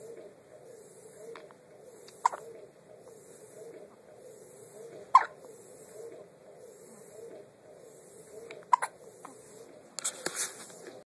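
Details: Baby's first hiccups: sharp hiccup clicks about every three seconds over soft rhythmic cooing.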